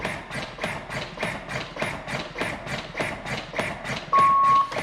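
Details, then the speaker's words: LUCAS mechanical chest compression device in a CPR training demonstration: steady, rapid mechanical thumping of continuous compressions with an advanced airway in place, and a tone every six seconds prompting a ventilation breath. "the device begins pumping now we're going to be demonstrating continuous cpr with an advanced airway in place"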